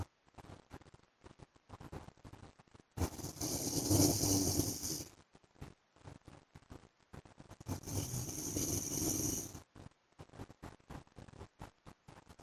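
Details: Two long, harsh, rattling snores about five seconds apart with faint ticking between them: a husband's loud snoring during sleep.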